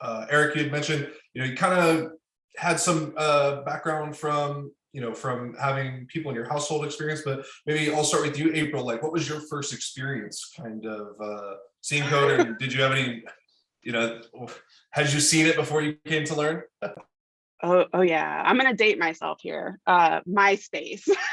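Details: Adult speakers in conversation; typical speech.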